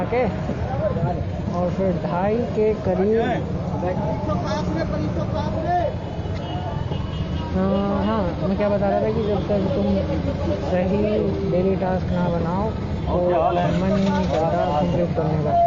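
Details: Male Hindi speaker doing daily speaking practice for his own stuttering (stammering); stuttering.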